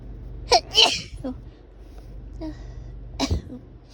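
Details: Induced sneezing: two or three quick sharp sneeze bursts, then a softer one, over steady low room hum.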